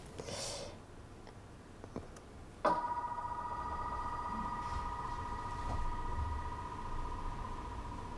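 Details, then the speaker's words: Leftover MRI scanner noise after denoising of a singing recording made inside an MRI scanner: steady buzzing tone with rumbling background and a few clicks. "Au tout début, ça marche pas très bien le débruitage. On entend vachement de bruit de l'IRM."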